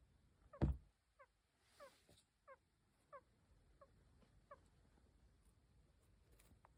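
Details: Faint, high, squeaky sounds repeating about every half second to second over low room noise from a sleeping hamster; snoring.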